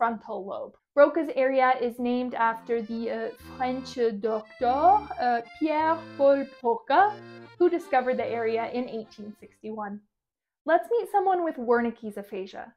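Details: Adult speaker; typical speech.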